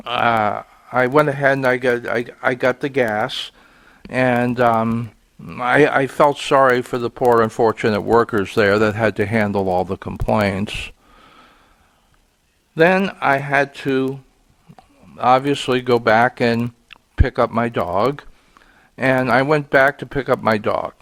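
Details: Stuttering in an adult man, which he says is audible here and links to being frustrated that day.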